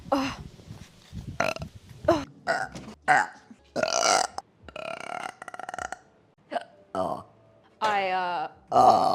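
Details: Female repeatedly burping in a compilation: a run of loud, drawn-out, throaty burps, some long and rumbling; repeated belching.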